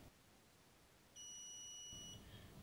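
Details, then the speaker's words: T34 McKinley syringe pump keypad unlock: the info button is pressed and held, and the pump gives a single sustained high electronic beep about one second long confirming the keypad is unlocked. "unlock the keypad by pressing and holding down the info button and wait for the beam"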